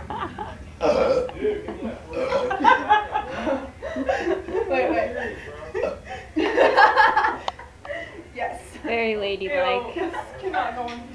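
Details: Burping contest after chugging a drink: loud, drawn-out deliberate burps mixed with talking and laughter.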